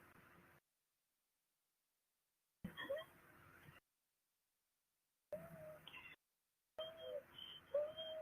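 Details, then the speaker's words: Child with asthma, recorded over about two minutes while wheezing and gasping for breath: quiet, high-pitched whistling on every exhalation, almost like whimpering, between silent gaps; expiratory wheeze. "that's expiratory every time she's exhaling it almost sounds like she's whimpering it's so horrible"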